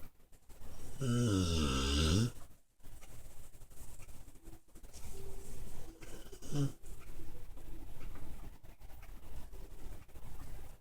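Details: Sleeping pit bull dog snoring while dreaming: a loud, drawn-out, rumbling snore, then softer irregular breathing noises and brief snorts.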